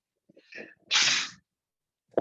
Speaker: And for a long time, I'm about to sneeze.